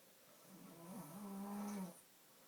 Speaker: Yeah, stop snoring.